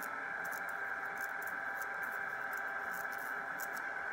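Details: Electrocautery device with a fine tip carbonizing skin to remove an unwanted tattoo on the presenter herself (also used for failed eyebrow micropigmentation), with steady electrical hiss, hum and brief crackling bursts; electrocautery device in use.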